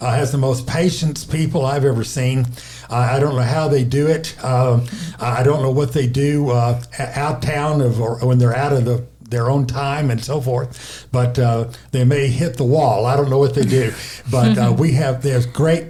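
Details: Aphasia in a male stroke survivor, caused by a stroke affecting the left side of the brain and affecting language.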